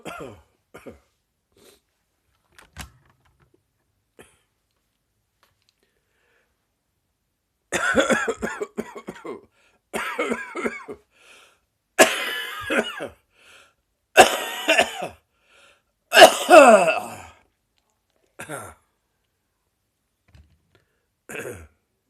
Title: Persistent Morning Cough after Six Weeks